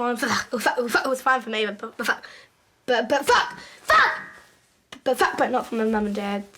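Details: Vocal tics with coprolalia in Tourette syndrome: 11-year-old girl, severe motor and vocal tics, involuntary swearing; onset with cartwheeling, then noises and stuttering.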